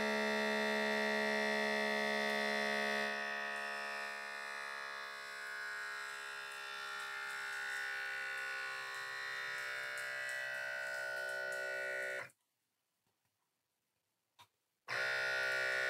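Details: Salter automatic upper-arm blood pressure monitor on an older man, arm not ideally positioned: steady electric pump hum as the cuff inflates, easing in pitch, abrupt stop, then hum resumes; reading 158/99, pulse 72.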